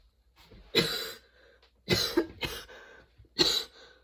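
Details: Person with a sudden, very long coughing fit that brought tears and kept worsening while they changed positions: four harsh, explosive coughs in close succession within a few seconds.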